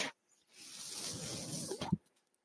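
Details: Mechanical ventilator sound from a podcaster's own ventilator, heard in the background while he speaks.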